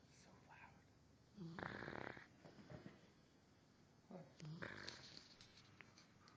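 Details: Tired, sleepy dog snoring loudly while asleep: two loud, rattling inspiratory snores a few seconds apart, with quieter breathing between.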